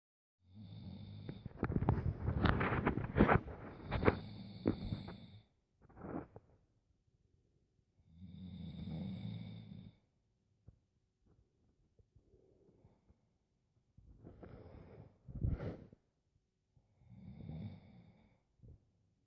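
Irregular rough, fluttering snores of varying length with pauses between, in a quiet room.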